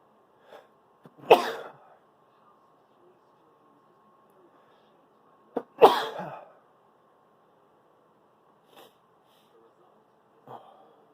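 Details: Late-night sneezes at 1am, held in while visiting family so others can sleep: two sharp, partly stifled sneezes in a quiet room, each with a brief intake before the burst.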